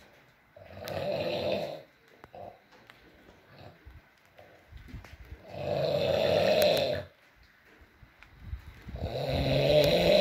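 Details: Adult male (boyfriend) snoring while asleep, three rough rattling snores about 17 a minute with soft rustling and faint noise between; snoring.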